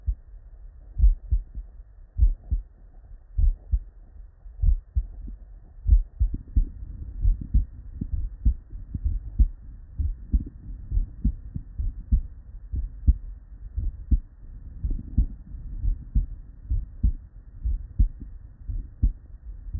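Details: Real, unedited normal human heart sounds (S1 and S2), recorded at the bedside from multiple patients with normal cardiac physiology and looped seamlessly.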